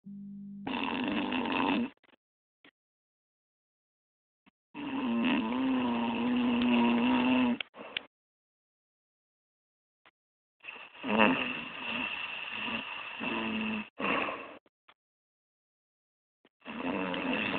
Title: My Snoring Dad